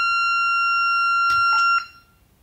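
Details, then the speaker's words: corpuls3 defibrillator with shock paddles set to 200 joules in a function test: a steady high charging tone, then several short bursts as the shock is delivered by holding both paddle buttons; defibrillator charging and shock tones. "To start the charging process, we have two options. Either on the device, or via one of the two shock paddle buttons. When the defibrillator is fully charged, we can deliver the shock by holding down both shock paddle buttons."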